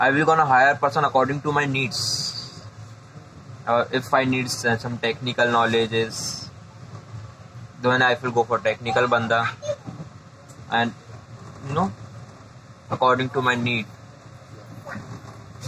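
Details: Adult male speaker; typical fluent speech.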